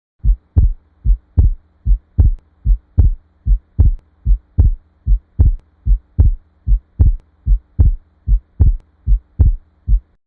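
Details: Split second heart sound, widening on inspiration, steady heartbeat near 75 a minute with S2 splitting into two close clicks; can be physiological or pathological, e.g. atrial septal defect.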